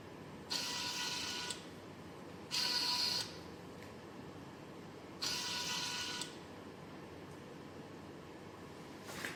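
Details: Bursts of high motor whine about a second long, separated by quiet pauses over steady hum, from a homemade student-built COVID-19 e-ventilator, controlled by Arduino Mega and ESP32, cycling its drive.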